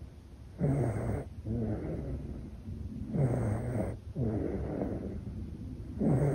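Soft, regular snuffly snoring on each breath, roughly 20 breaths a minute; gentle snoring in a sleeping baby.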